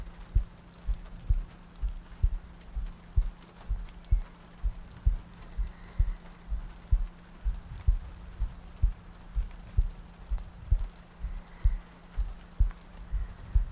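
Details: ASMR sleep-aid soundscape looping heartbeats, soft breathing and rain ambience: soft, regular low thumps at about 64 a minute under steady rain noise, a heartbeat.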